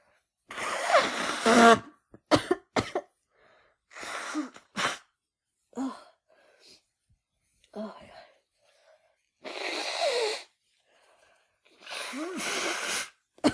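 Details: Adult woman with a head cold, after using chhinkni: run of sharp explosive bursts separated by pauses with brief breathy sounds, repeated coughing or sneezing fits, saying she can't stop.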